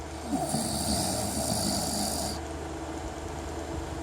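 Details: Snoring husband: low rough rattling breathing sounds under steady room noise and a high electronic whine.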